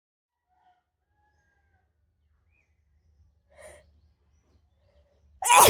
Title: wide Nose Sneezes Philippines ❣️